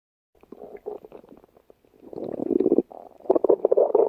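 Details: Emma's stomach growling: irregular gurgling, bubbling rumbles in bursts, growing louder toward the end; ordinary borborygmi.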